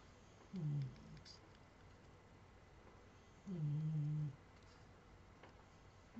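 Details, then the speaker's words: Snoring heard in the background during a craft recording, attributed to someone. "celui-là vous entendez le ronflement de de"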